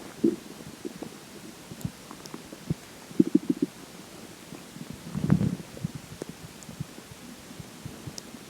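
Low gurgling and bubbling rumbles come in short bursts against quiet background; ordinary stomach growling (borborygmi).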